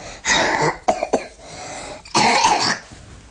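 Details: Child performing a forced expiration (huff) while a hand holds the chest, guiding the ribs downward and inward during exhalation, as taught to parents for home chest physiotherapy; airway clearance.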